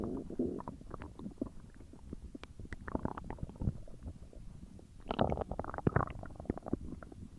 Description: The aftermath of my huge meal as it digests in my tummy